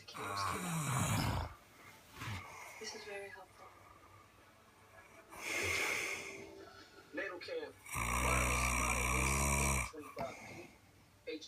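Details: Man asleep; loud, rough, rattling snores on the in-breath with quieter breathing between, a few seconds apart; snoring.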